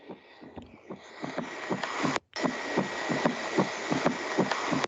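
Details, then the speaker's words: Recorded heart sounds from a normal patient: regular S1 and S2 followed by a soft extra third heart sound, a physiological S3. "¿Logran identificarlo? Sí, Va, el último ruido que están escuchando es el S3."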